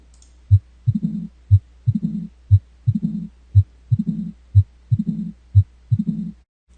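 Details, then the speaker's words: Mitral stenosis: regular heartbeat at 60 a minute with a loud S1, then after S2 an early diastolic opening snap followed by a low-pitched diastolic rumble, the murmur of mitral stenosis. "In diastily and mitro stenosis, what you will hear is an opening step followed by a diastolic rumble, which is the murmur of mitro stenosis."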